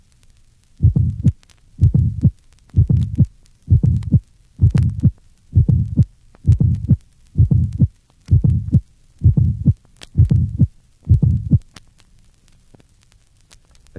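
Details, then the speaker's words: Idiopathic pulmonary hypertension in a 1965 teaching recording, best heard at the third left interspace: regular heartbeat near 65/min, a pulmonic ejection sound introducing a short systolic murmur, then a loud pulmonary valve closure. "this is an illustration of the findings and idiopathic pulmonary hypertension note the pulmonic ejection sound introduces a short systolic murmur and Loud pulmonary valve closure is prominent"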